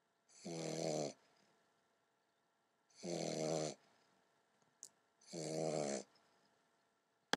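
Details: Sleeping English Bulldog puppy: three loud, rattling, throaty snores about every 2.5 seconds, roughly 25 breaths a minute, in a quiet room; snoring.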